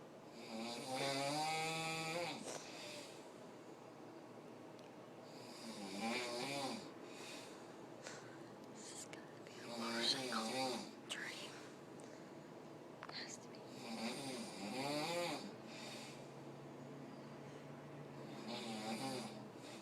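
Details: Man snoring loudly during sleep, waking others: loud, rattling snores with a whistling edge recur about every five seconds, roughly 12–15 a minute, with quieter breathing between them.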